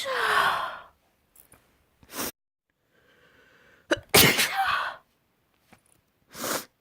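Several sharp, explosive sneezes, some preceded by quick in-breaths, in a quiet room.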